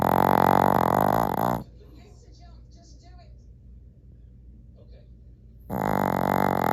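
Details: Dreaming and snoring: two loud, buzzing, vibrating breaths separated by several seconds of near quiet; heavy snoring.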